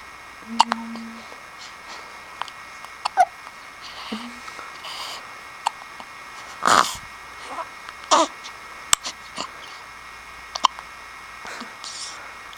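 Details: 1-week-old baby girl with hiccups, louder and higher-pitched when a finger is in her mouth: several short, sharp bursts at irregular one-to-two-second intervals, faint room noise.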